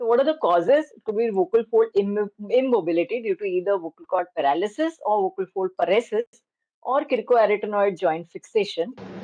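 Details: Adult female speaker; Normal voice.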